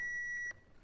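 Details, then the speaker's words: AED demonstration after ventricular tachycardia detection and shock advised: steady high electronic charging tone ending abruptly with a soft thump as the shock is delivered, then prompt to restart CPR. "shock delivered start cpr and you get back to doing cpr yeah why because we haven't fixed the problem as such"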